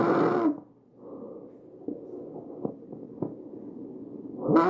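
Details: Loud, harsh, noisy breaths through the trachea with coarse, rough tone; tracheal stridor from upper airway narrowing.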